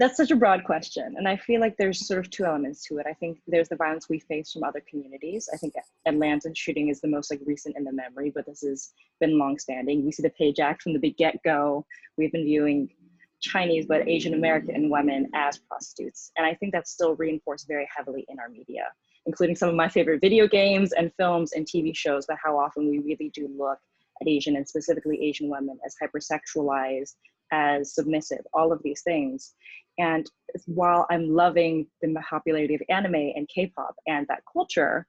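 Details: Adult speaker; typical speech.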